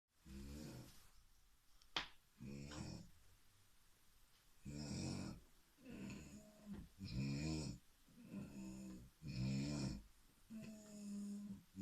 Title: Snoring in symphony